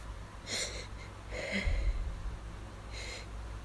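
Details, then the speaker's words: Induced allergy sneezes after hours of nasal itch, getting hard to stifle: three muffled, suppressed sneezes over a steady low hum, held back with the mouth closed. "Ugh. Yeah. These are getting hard to stifle. Ugh."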